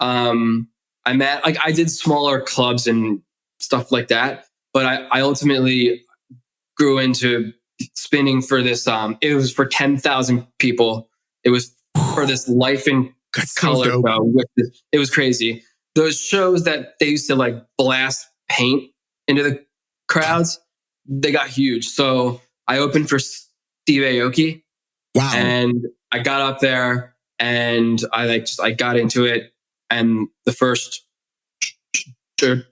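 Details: Stuttering in an adult male who has stuttered since childhood, in spontaneous conversational speech with word repetitions.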